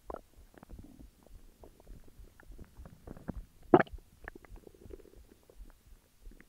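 Soft gurgling and bubbling rumbles with one louder squelch, typical stomach growling; normal bowel sounds.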